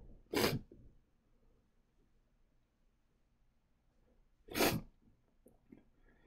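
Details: Adult male sneezing fit brought on by fresh chhinkni snuff: two sharp, explosive sneezes about four seconds apart in a quiet room; sneezing.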